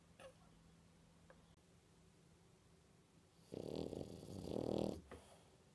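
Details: Sleeping French bulldog, a short-nosed dog: quiet breathing, then one loud, drawn-out, rattling snore lasting over a second; loud snoring.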